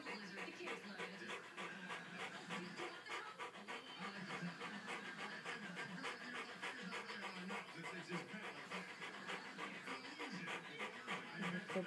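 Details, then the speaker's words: Dog that has seizures about every six months, mid-seizure with back legs affected: rapid, heavy panting at roughly 200 breaths a minute with faint whimpering. "This is breathing for this one. Yeah, it's okay. It's gonna be okay."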